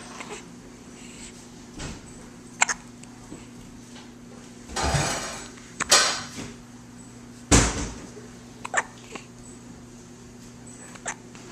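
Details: Dog with hiccups: short, sharp hiccup sounds at irregular intervals over a steady background hum, recorded on a Flip Video camcorder.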